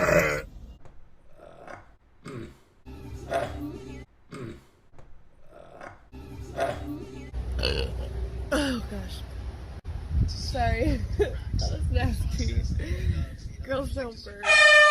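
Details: Loud, drawn-out belches repeated over several seconds, with talking and faint music in the background, presented as acid reflux; burping.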